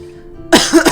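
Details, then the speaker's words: Adult gamer with a cough persisting about a month after a cold, faint background music, then a short run of two or three harsh coughs; persistent lingering cough. "So, uh, I got sick like about a month ago, and ever since then, like I've been coughing repeatedly. Like, it started out as a cold, but I recovered quickly and now I'm I'm just I've been stuck with this cough for about a month."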